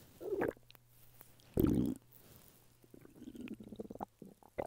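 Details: Man lying flat on his bed with hunger stomach rumbling: soft bubbling gurgles and two louder low rumbles over a faint steady hum; normal hunger borborygmi.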